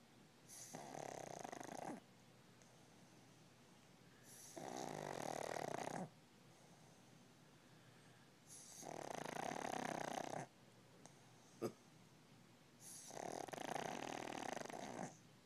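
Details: Pug snoring: four long, harsh, rasping snores at steady intervals, about 14 a minute, like an old man snoring.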